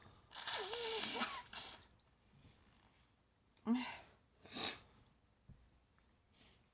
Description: Every morning is like this, sneeze, sneeze, sneeze.....